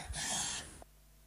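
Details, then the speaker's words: Young girl, nose blocked and mouth open during sleep: breathing stops, then restarts with a single harsh, gasping intake of air, followed by silence; laboured resumption of breathing after a pause, presented as a differential diagnosis of snoring and apnoea. "reprise de la respiration assez difficile"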